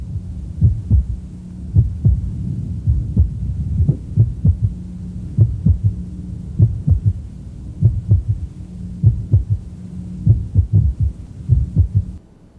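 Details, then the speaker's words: Third heart sound, low-pitched and very soft, fading almost away then returning loudly after a premature ventricular contraction. "almost gone away was getting hard to hear and then you hear the PVC and bang it's coming back with a vengeance"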